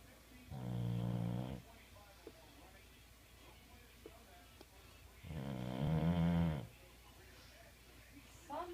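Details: Bulldog snoring: two loud, low, rattling snores on breathing in, with quiet breathing between them.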